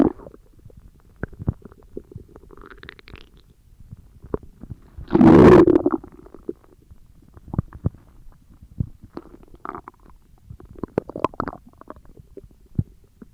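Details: Stomach growling: scattered gurgles and clicks with one loud drawn-out growl midway; ordinary bowel sounds (borborygmi).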